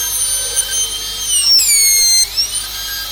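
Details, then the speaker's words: High-pitched steady whine of a dental drill, with pitch dips as the bur meets tooth, while preparing a mesio-occlusal cavity with a dovetail on the distal marginal ridge, in a cavity-preparation exercise. "I am preparing a mesio-occlusal cavity, so I am giving a dovetail on the distal marginal ridge."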